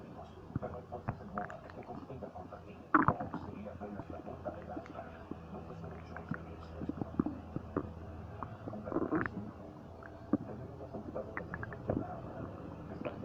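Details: Low gurgling and rumbling with scattered squelches and pops over a steady background; ordinary bowel sounds (borborygmi) from gas and fluid moving through the gut.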